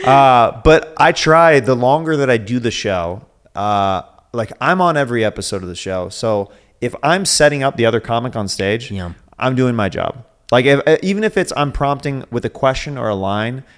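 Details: Adult male speaker; normal speech.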